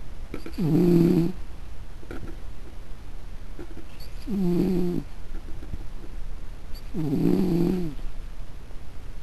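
Three soft, low, buzzing snores about three seconds apart, roughly 20 breaths a minute, over room noise from a sleeping cat.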